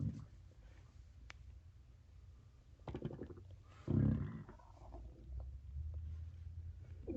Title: Stomach growling